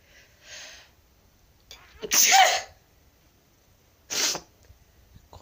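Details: Black cat vocally complaining at its owner's sneeze: a soft cat sound, then a single loud adult human sneeze, followed by a brief cat vocal complaint; ordinary sneeze.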